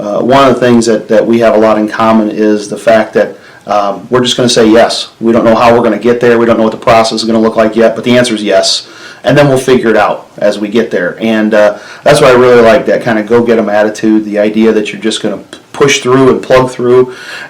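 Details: Adult male speaker; normal conversational speech.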